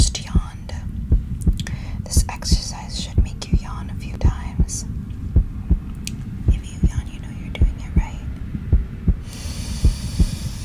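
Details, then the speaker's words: ASMR role-play of an anxious patient listened to over the back during slow breathing exercises. Heartbeat noted as lowering with the breathing; steady paired thumps at about 54 per minute: slow, regular heartbeat. "but um I I really felt your heartbeat lowering as I was doing the breathing with you so I think that the breathing exercises themselves are going to help you a lot"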